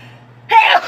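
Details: Loud sneezing in a person: a single short, loud sneeze burst after a quiet lead-in, with a low room hum.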